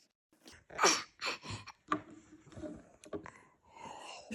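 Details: A few short, forced, play-acted cough bursts from a young girl after sipping water from a syringe, amid quiet room sounds; simulated, not an illness cough.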